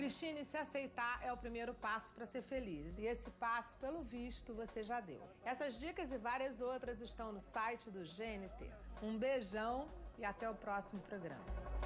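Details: Adult woman, program host; normal speech.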